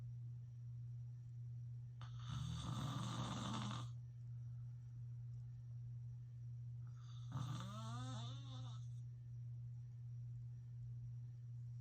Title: Filming my dad snoring again (more loud snores !)